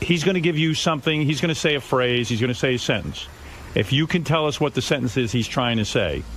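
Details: Adult man; ordinary speech.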